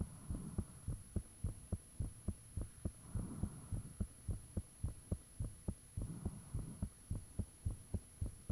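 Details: Self-recorded own heartbeat with fan off, taken shortly after heart began feeling unusually thumpy; steady clear beat about 105 a minute, whooshing flow sound between beats, faint hum. Heart sounds.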